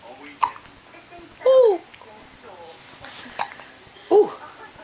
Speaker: Have you got the hiccups?